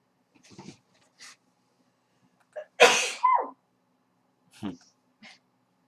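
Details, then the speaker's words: Adult's single sharp, explosive sneeze preceded by a short indrawn breath, amid quiet room sounds. "Sorry. Damn coronavirus. You'd be coughing, not sneezing."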